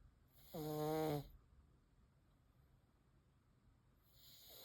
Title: Pug with a Wheezy Breath, Loud Snores, and Love to Share!